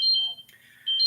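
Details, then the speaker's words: Glucose monitor alarm signalling blood sugar too high or too low; owner suspects low sugar: high electronic tones, steady beep, pause, then beep again. "And when you cause uh, PTSD, that's my alarm, people, that goes off telling me that my either my blood sugars are too high or they're too low."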